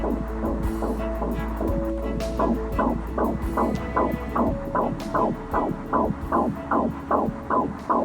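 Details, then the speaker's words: Rapid, regular whooshing pulses at about 150 a minute over a steady machine hum: a fetal heartbeat on a monitor during pregnancy. "นั่นคือเสียงหัวใจมันคือ1ชีวิต"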